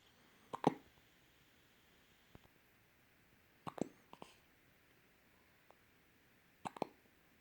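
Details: Hiccups in an 11-day-old baby who makes funny faces while hiccuping.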